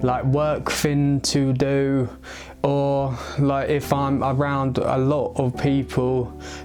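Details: Male aged 22 who has stammered since age eight; he links it to a skull fracture from a baby-walker fall at age three or four. It worsens under stress; treated with speech therapy and an intensive Michael Palin Centre course. Stuttering.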